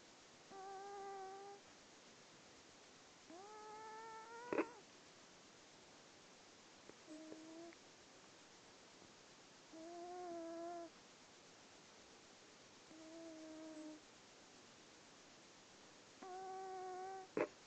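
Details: A cat in deep sleep gives six high, whistling snores at a steady rhythm, about 19 a minute.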